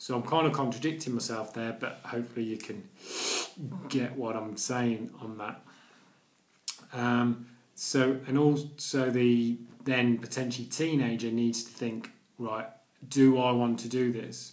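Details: Stuttering (stammering) in an adult man, present daily for nearly 40 years.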